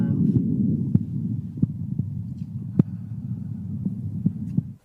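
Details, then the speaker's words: Elderly man with aortic stenosis and rate-controlled atrial fibrillation: loud, long ejection systolic murmur over irregular beats, quiet second heart sound, low-volume pulse, suggesting severe stenosis with a significant valve gradient; auscultated during breathing manoeuvres. "Uh there's a long duration to the murmur and also he has a low volume pulse and these will suggest a significant gradient across the valve."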